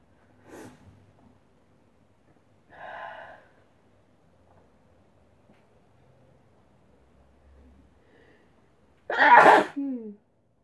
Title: Sneezing 3rd July 2016